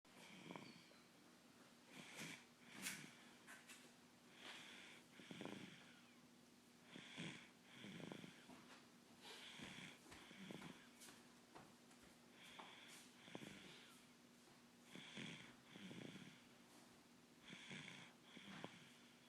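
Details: Tired sleeper snoring: repeated snorting, rasping breath sounds, about 24 a minute and somewhat irregular, over a steady room hum.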